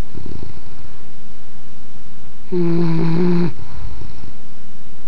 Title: Snoring English Bulldog